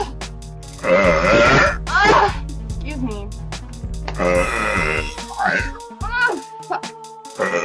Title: Girl Burps